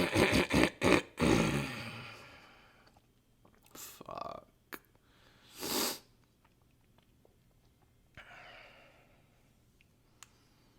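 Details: Coughing recorded with a new high-fidelity microphone: a quick run of several coughs, then quieter coughs and nose blowing in a small room.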